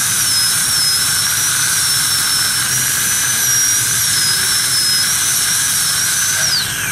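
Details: High-speed dental handpiece during tooth core preparation with a gingival protector; a steady high-pitched whine with hissing water spray, winding down at the end.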